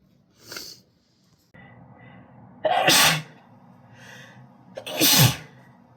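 Three explosive sneezes, two of them loud and forceful, with quiet breathing and faint room noise between them.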